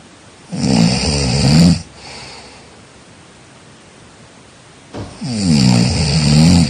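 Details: Snoring during sleep: loud coarse inspiratory snores with a fluttering buzz, quieter exhalation between; two snores about four seconds apart.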